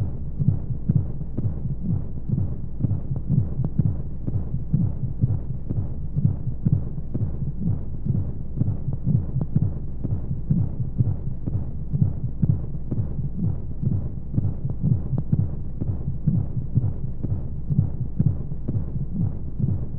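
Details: Womb sound played as a baby sleep aid with white noise: steady, muffled, low thumping heartbeat at about 125 a minute under soft rushing noise, as heard from inside the womb.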